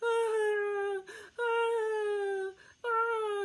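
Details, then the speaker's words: One-week-old newborn boy crying while held by his father with his mother away: brief crying turning into three long, tonal, falling wails with short breaths between; a pitiful wailing cry that settles with nursing. "he started doing this cry where he'll cry for just a little bit and then he'll start to do this like tragedy cry like this wail like"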